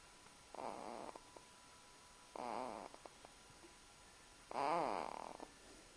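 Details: A sleeping subject gives three soft, whistly, wavering snores about two seconds apart, roughly 30 breaths a minute, with quiet pauses over faint room hiss; snoring.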